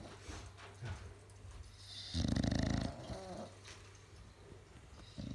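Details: Bulldog and pug snoring on a Sunday afternoon: low rumbling breathing noise with one louder, rattling snore burst, over quiet room noise.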